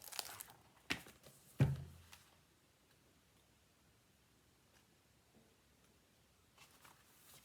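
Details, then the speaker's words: Amid soft crinkling of cards in a quiet room, a brief low rumbling gurgle as the speaker notes a stomach growling: borborygmi. "you can hear my stomach growling my stomachs growling"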